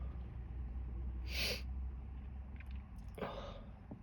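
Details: Female with a cold and sore throat, trying to trigger sneezes with a tickling product: two short bursty sneezes over steady low background rumble.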